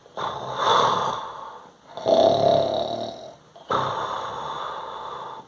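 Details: Three loud, rough nasal snorts in quick succession, an imitation of snoring rather than a real sleeper; simulated snoring.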